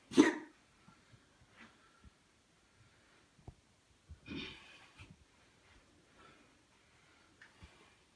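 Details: A pet cat coughing, recorded by its owner for the vet: a sharp explosive burst, then a second harsher, drawn-out burst a few seconds later, with faint clicks and breaths between.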